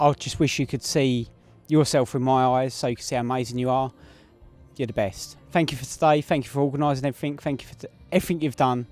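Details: Adult man speaking; normal voice.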